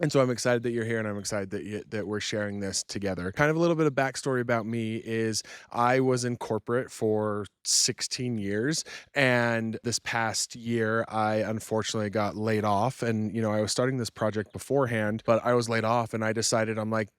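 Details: Adult male speaker; fluent adult speech.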